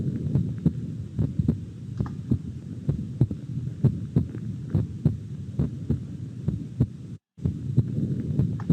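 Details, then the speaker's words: Simulated stethoscope heart sounds from clinical training software, listening over the chest to assess possible congestive heart failure: regular paired heart sounds at roughly 75 beats per minute over a low hum. "begitu kita mendengarkan suara jantung suara jantung kita dengarkan tentu di batangnya as voltase di sini ah"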